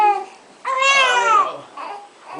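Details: Infant just over 4 days old fussing while being burped by mother, with short whimpering cries that rise and fall in pitch in a small room: an ordinary infant cry.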